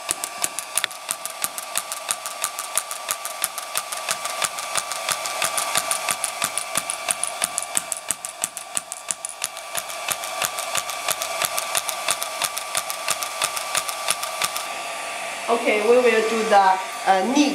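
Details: Radial shockwave therapy handpiece (SW14 three-in-one machine) applied with cooling gel around the ankle: rapid sharp clicking pulses, about 90 a minute, with a brief burst of music at the end.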